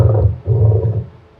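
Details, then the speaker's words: Pleural friction rub played as a teaching example: two deep, loud, harsh grating bursts from inflamed pleural surfaces rubbing, as in pleuritis. "Ang friction rub, deep, harsh, grating sound, yan, no? Inflamed pleural surfaces."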